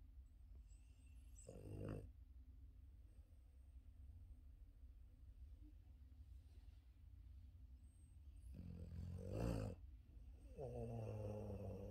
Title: Yoda the Boston terrier deep sleeping on his back and snoring